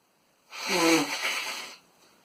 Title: Boyfriend sneezing in running gear